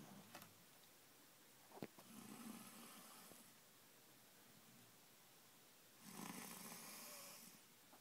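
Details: Loud snoring during sleep: two long, rough, breathy inhaled snores about four seconds apart, with quiet room noise between them.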